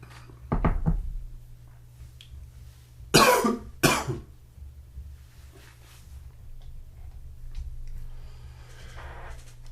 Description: A little morning cough and one sneeze thrown in for good measure